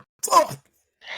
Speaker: That was like an anime sneeze.